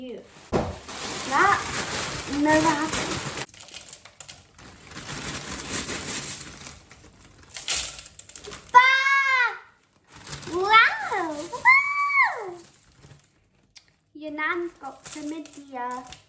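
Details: Tourette syndrome in a real person who tics throughout, including violent and aggressive tics, sudden swearing and random phrases; vocal tics of Tourette syndrome.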